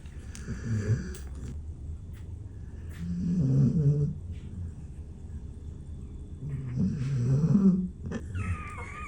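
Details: Mother dog Kaia's gentle snoring while her five-day-old puppy Dash sleeps curled on her neck: three soft, low, rumbling snores in a slow, steady breathing rhythm.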